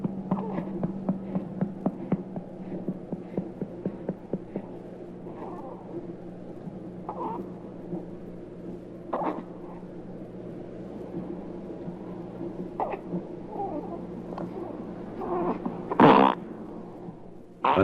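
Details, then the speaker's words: 6-week-old girl finishing a feeding, patted a few times: soft rhythmic patting over a steady hum, then a short loud burp (infant belch). "Now listen to this 6 weeks old girl finishing a feeding and being patted a few times to get that rewarding sound. The burp may not always come this quickly, but once you hear it, you and the baby will be relieved."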